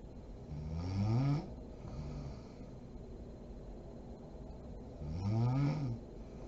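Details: Two deep, rattling inhaled snores about four seconds apart from a sleeping adult woman (mom), with quiet breathing between them; snoring.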